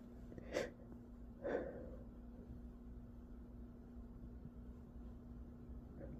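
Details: Two short, sharp sneezes about a second apart over a steady background hum; sneezing attributed to allergies.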